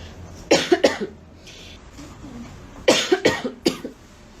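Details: Woman with a persistent cough during a live clothing sale, mentioning needing cough syrup: two bouts of harsh, forceful coughing, about six coughs in all, in a quiet room.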